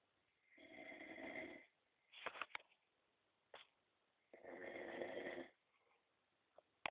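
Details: Two loud, rasping inhaled snores about four seconds apart, with short snorts and clicks between; heavy snoring.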